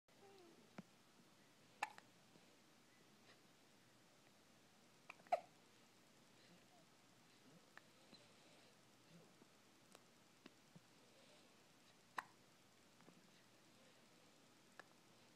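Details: Baby at 3 days old with hiccups: several brief, abrupt clicks at irregular intervals in a quiet room.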